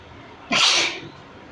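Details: Self-provoked sneeze, triggered deliberately with a small stick; one sharp, explosive sneeze, then quiet room noise: sneeze.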